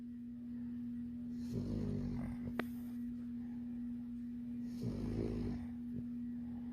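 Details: Labrador puppy snoring in her sleep: two soft rattling snores over a steady background hum, ordinary sleep snoring.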